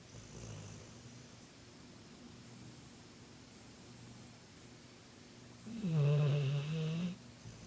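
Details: Bullmastiff dog snoring: quiet room noise, then one loud low rumbling snore lasting about a second and a half; snoring.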